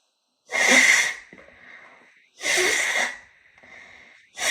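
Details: Repeated sneezing: two loud explosive sneezes, each followed by a whistling breath and quieter sniffly noise; sneezes heavy enough to soak the shirt and hands.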